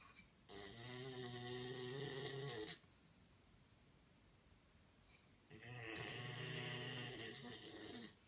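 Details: Labrador snoring loudly while asleep, owner jokes it needs a CPAP: two long, rattling snores about two seconds each, separated by a quiet pause; snoring.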